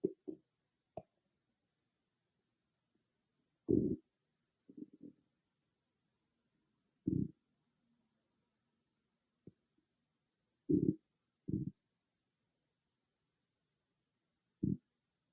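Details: A loud stomach growling, recorded on an iPhone with no ASMR microphone: low gurgling rumbles in separate bursts over near silence, about nine in fifteen seconds; ordinary bowel sounds (borborygmi).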